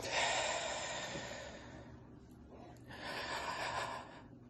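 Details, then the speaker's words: Doctor demonstrating a chest-infection breathing technique: a deep, noisy breath in, a five-second hold, then a second long airy breath; cycles of deep breaths meant to open the lung bases, each ending in a big cough. "the way it will work is you will take five deep breaths in and each time you'll hold your breath for five seconds on the sixth deep breath you will take it in and you will do a big cough and covering your mouth"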